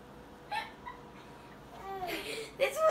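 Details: Hiccups in a young child: short, sharp, jerky catches of breath with small voiced squeaks.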